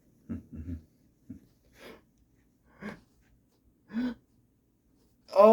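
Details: Halting, catching, gasping inhalations building toward a sneeze that won't come; noisy pre-sneeze breathing.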